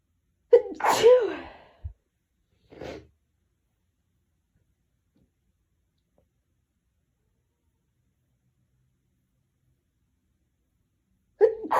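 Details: Hitchy sneezing with build-ups: a catching build-up breath and a forceful sneeze, a short follow-up sound, then silence before another sneeze begins.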